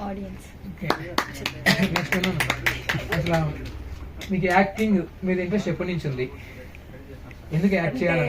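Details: Adult speaker, Telugu; normal speech.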